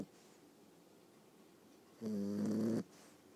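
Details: Boxer puppy, about 9.5 weeks old, sleeping: a single loud buzzing, vibrating snore under a second after a quiet stretch; snoring.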